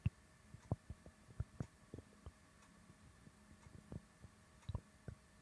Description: I had a bloated stomach today and someone asked me to do a burp or fart video so here it is. ;)